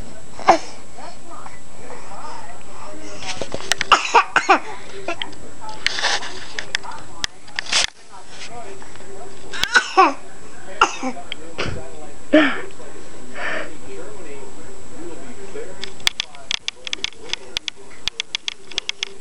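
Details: An infant practises fake coughing: short, deliberate cough-like bursts mixed with babbling, a playful imitated voluntary cough.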